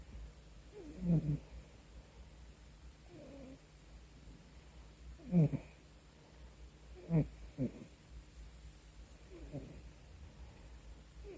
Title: Sometimes he makes snoring noises when I pet him (last 40 seconds)